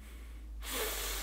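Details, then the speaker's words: Adult demonstrating a single hard, hissing forced inhale through the nose; nasal skin sucks inward at the nasal valves, narrowing the airway and making nasal breathing difficult, especially at night: nasal valve collapse. "so if you look at my nose here you can see that if I inhale uh really hard you can see right here and here my nose skin will suck"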